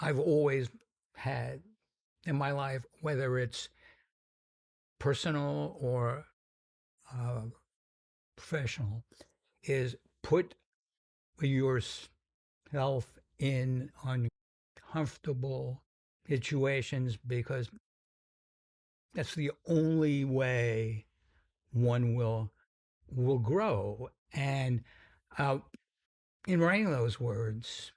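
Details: Adult man with a sometimes noticeable stuttering that he says varies in severity; described by the host as a pretty strong stutter; stuttering.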